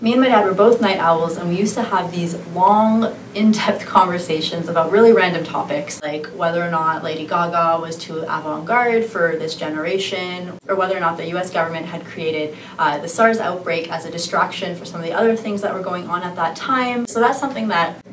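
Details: Adult woman speaking; Normal fluent speech.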